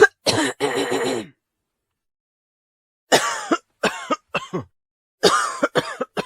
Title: Cough Sound